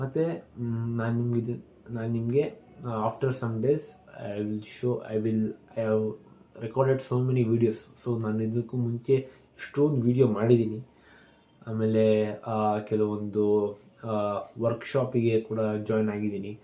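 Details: Adult male, Kannada speaker, with stammering since childhood, worsened by anxiety when speaking live or on the phone; practising daily to speak calmly: stuttering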